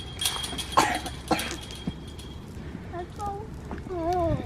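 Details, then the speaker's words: Young boy with a long-term cough who was started on an inhaler, coughing outdoors a few minutes into a walk: two short, harsh coughs with wind noise and birdsong afterward. "okay we can go home now see and we've only been walking a couple minutes and he's got his cough so we're gonna go home and yeah go home and go relax"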